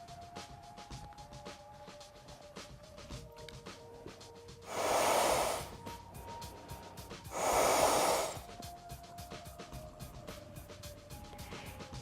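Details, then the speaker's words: Two long, forceful breathy blows a few seconds apart over steady clicking and background music: mouth-to-mouth rescue breaths demonstrated into a Practiman CPR training manikin during BLS training. "next I will demonstrate mouth-to-mouth breathing"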